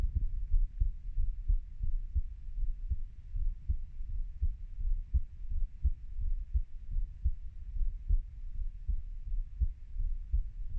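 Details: Heartbeat of a 30-year-old: steady low thumping at about 85 beats a minute with some muffled background rumble.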